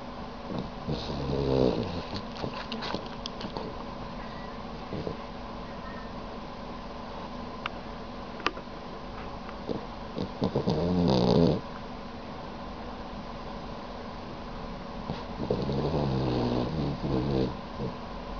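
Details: Dog snoring while asleep with tongue out: three rough, rattling snore bursts over about 18 seconds against steady room noise.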